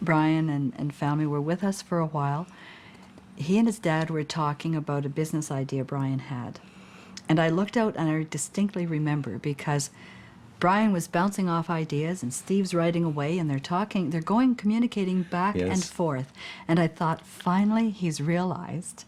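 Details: Adult woman speaking; no speech disorder.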